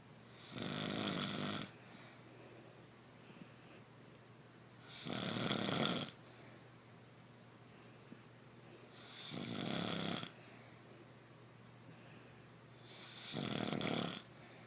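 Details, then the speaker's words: Sleeping partner with loud rattling snores on each in-breath, four in about 15 seconds (roughly 16 breaths a minute) with quiet pauses, who denies snoring; snoring. "What are you doing? Why you snore so loud?"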